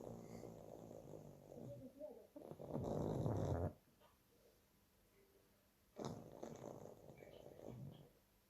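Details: Two-year-old pug, sleeping: loud, rough snorting breaths with quiet pauses between; snoring.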